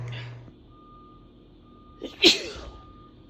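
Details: Woman hiding in the bathroom at Christmas to sneeze so her family can't hear: a single sneeze with a quick in-breath and then a sharp, loud burst, with a faint steady tone and room noise; sneezing.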